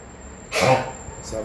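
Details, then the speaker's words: Dog with a bacterial airway infection (not a swallowed bone), a few days into treatment with doxycycline (Doxylin 100 mg) tablets, gives a single loud, harsh cough burst; its coughing fits last up to a minute and sound like choking. "مرات لما بكح بكون صوته عالي."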